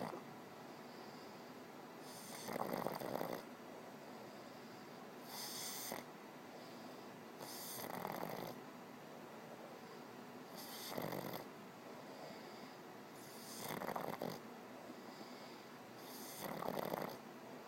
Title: snoring